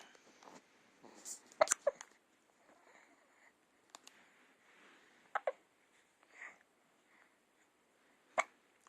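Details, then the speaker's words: Young child who often has hiccups, recorded while hiccupping; sharp, brief catches of breath recurring every few seconds among quiet room sounds. "always has the hiccups."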